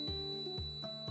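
Steady high-pitched whine under plucked music, a simulated tinnitus beep imitating ringing in the ears.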